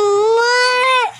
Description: My Baby is Crying for a slide to Citymall